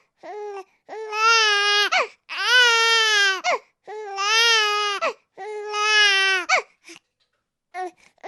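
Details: Sound sample of an infant crying: loud, sustained wails with short breaths between each cry and a few whimpers at the end; ordinary infant crying.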